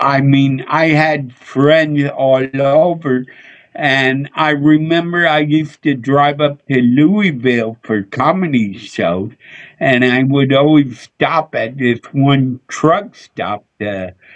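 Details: Adult male with a speech impediment he attributes to a neurological problem: MRI showed an underdeveloped back of the brain, and he hit his head on a dashboard in a car accident when younger; sometimes mistaken for drunk; slurred speech (dysarthria).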